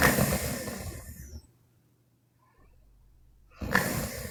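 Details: Sleeping Chinese woman snoring: loud, rattling inhaled snores separated by a quiet pause.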